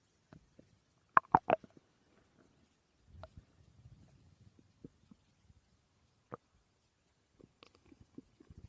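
Scattered soft gurgles and rumbles with a few louder squelching bursts in a quiet room: ordinary stomach growling from gas and fluid moving through the gut.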